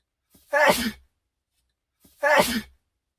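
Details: Two identical sneezes, each a short in-breath followed by a forceful voiced burst; the same sneeze repeated.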